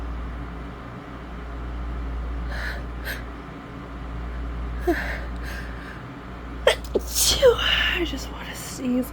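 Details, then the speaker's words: Woman in bed with a summer cold for a few days, itchy congested nose and recent sore throat: several quick sneezes with sharp in-breaths, then a forceful nose blow. "I'm at that stage of it right now where my nose is just itchy constantly. And I'm congested"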